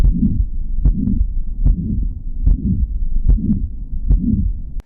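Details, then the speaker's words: Mitral regurgitation murmur, mitral valve letting blood flow backward in the left heart: regular heartbeat near 74 per minute with soft blowing murmur after each first sound. "mitro regurgitation murmur this is when the mitro valve which is the opening between the chambers of the left heart allows blood to flow in the wrong"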